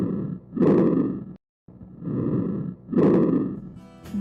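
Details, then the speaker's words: Normal bronchovesicular breath sounds from respiratory auscultation: rushing breaths with inspiration and expiration of similar length and loudness. "vesicular breath sounds [Music] bronco bronchovesicular breath sounds"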